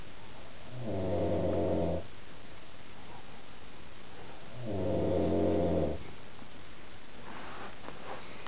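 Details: Man snoring at 1:30 a.m. after a few drinks: two deep, buzzing snores about four seconds apart, roughly 15 a minute, with quiet breathing between.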